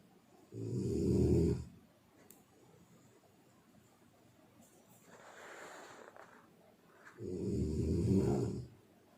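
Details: Two loud, rough, low snores on breathing in, separated by quieter breathing out; ordinary snoring.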